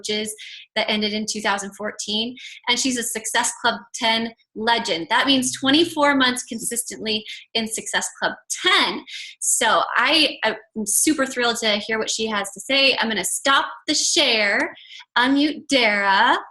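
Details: Adult woman speaking; normal voice.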